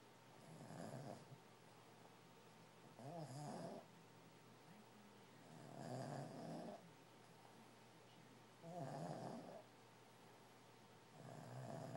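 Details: Snoring: regular rattling snores with each breath in, about 11 breaths a minute, with quiet pauses between.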